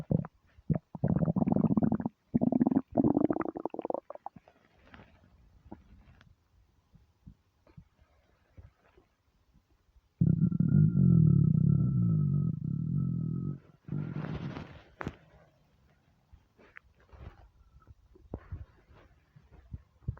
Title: starving stomach rumbles